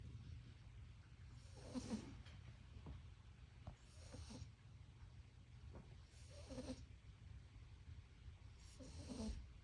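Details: Sleeping dog snoring loudly with rattling snores, about four breaths in ten seconds, over a low background hum; snoring.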